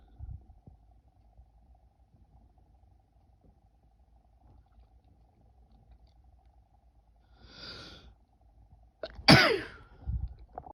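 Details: A woman trying to stifle a sneeze: a soft breath catch in a quiet room, then one sharp, muffled, held-back sneeze.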